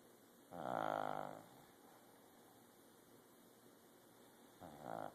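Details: Sleeping dog snoring: two rattling, buzzy snores on the in-breath, separated by a long quiet pause.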